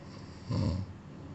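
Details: Cat sleeping and snoring: a single short, low, rough breath noise, one snore during sleep.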